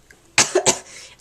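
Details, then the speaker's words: Two quick, harsh coughs close together from a girl who is sick with a cold and stayed home from school, coughing while talking; cough. "i am kind of sick right now as you can probably tell i will probably have like random coughing fits in this vlog"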